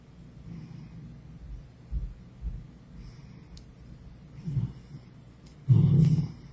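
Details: Sleeping tabby cat snoring: soft, low snuffling breaths ending in a louder snort.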